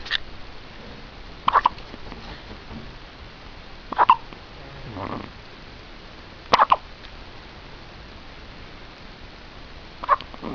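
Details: Hiccups in a growing infant lying down: short, abrupt catches repeating every few seconds, about four in ten seconds, over quiet room noise.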